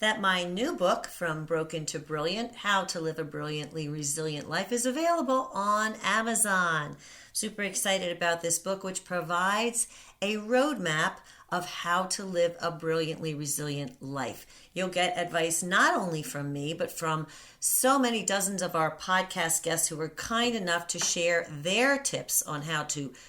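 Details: Adult woman speaking; typical speech.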